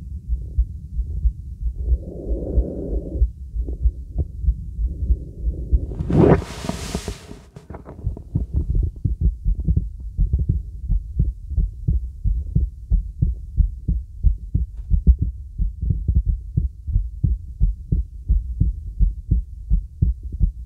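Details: Steady low thumps at about 90 a minute, with a brief rustle early on, heard with a real stethoscope over a girl's neck: normal carotid pulse.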